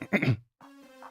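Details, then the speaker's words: A single short, harsh, dry cough from an adult, lingering weeks after a winter viral illness, possibly COVID, blamed on airway inflammation; likened to whooping cough, nothing coming up; followed by a steady musical tone. "it causes inflammation even long after it's gone and that kind of causes that cough it's it sounds like a whooping cough"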